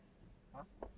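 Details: Two abrupt, brief voiced hiccup catches less than a second apart, from a man who has had hiccups for three hours despite holding his breath, eating and drinking water; hiccups.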